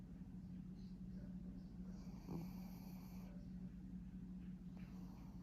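Quiet, steady low rumbling breath noise from a sleeping dog, with a faint snort partway through; snoring.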